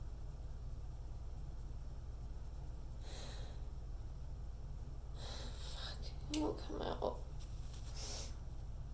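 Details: Person with a worn-out nose trying to sneeze: short nasal snorts and gasping breaths as a sneeze builds but never comes, over steady room hum. Snorting with sneeze denial.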